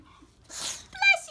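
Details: A 15-year-old Pekingese dog in a sneezing attack: a short, sharp hissing burst followed by a snorting expulsion.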